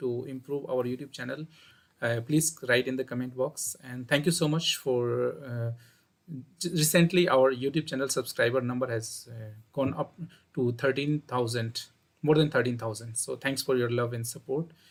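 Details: Adult male speaker; normal speech.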